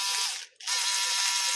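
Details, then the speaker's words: Conmed Hall 50 surgical bone saw tested on a power supply drawing 1 amp after user complaint it failed during surgery: high-pitched motor whine with a brief dip, then steady running; the saw works, the battery is faulty. "1 aamp yung ating current na nilalabas doun. Ayan oh. Gumagana siya. Ibig sabihin hindi 'yan hindi sira 'yung ating drill."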